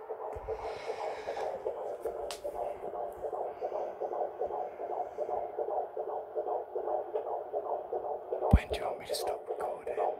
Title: Hearing our baby's heartbeat for the first time! ♡